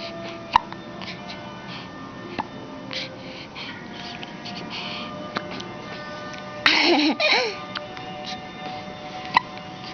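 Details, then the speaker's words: Soft, sharp clicks recurring every couple of seconds in a girl, over background music with a brief burst of voice between. Hiccups. "Hi, cutie. What you doing? Those are hiccups."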